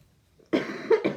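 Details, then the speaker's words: An adult with throat trouble who briefly could not speak gives about three harsh coughs in quick succession after a quiet moment, in a small quiet room; cough. "sorry for some reason my throat chakra is doing the thing right now oh what's going on couldn't speak"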